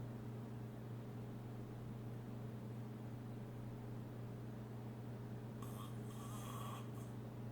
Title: Loudest Snore Ever